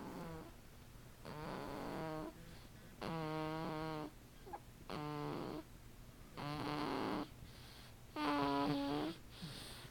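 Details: Snoring during sleep: loud, buzzing snores repeating every one to two seconds, with quiet gaps between them; ordinary snoring.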